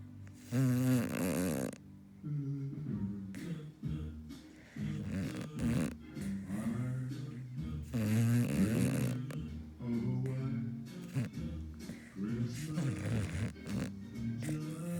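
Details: Puppy asleep during a movie snoring loudly, about eight snore bursts a minute over background movie music; snoring.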